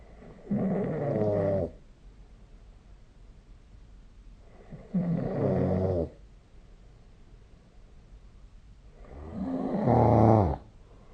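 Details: Three loud, rough snores on inspiration, about 14 per minute, with quiet pauses, recorded with the SnoreLab app; typical adult snoring during sleep.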